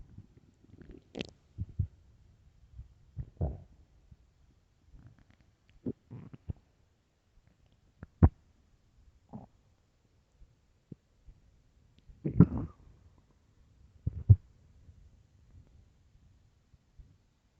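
Irregular low gurgles and rumbles from the belly, ordinary stomach growling on an empty stomach.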